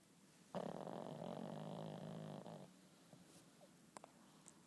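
A long, loud, rattling snore on one breath from a small flat-faced dog, then quiet breathing; snoring.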